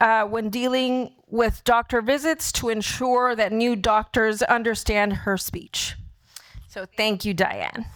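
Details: Adult woman speaking; typical speech.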